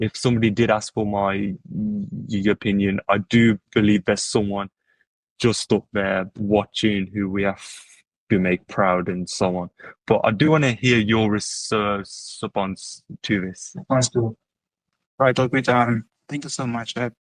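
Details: Adult who stutters, with word repetitions: stuttering.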